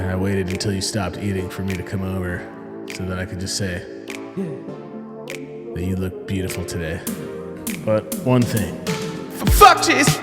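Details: Acted comedy-sketch portrayal of a man with Tourette's syndrome for 15 years, tics said to flare when nervous or seeing a beautiful girl, based on the performer's brother's real Tourette's; sudden obscene outbursts, vocal tics with coprolalia.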